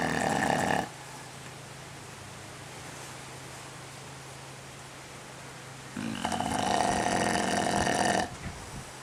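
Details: Bozley, a dog, snoring even with his eyes open while resting before a photo shoot; two loud rasping snorts a few seconds apart against a steady hum.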